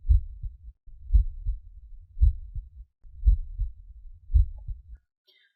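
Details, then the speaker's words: Normal heart sounds: regular lub-dub heartbeat at about 56 a minute with clean paired first and second sounds (S1, S2). "so that's what a normal heart sounds like you can actually listen to your own heart assuming that you have a normal heart sound then you will be able to hear a sound that is much much similar to the one that i've just played"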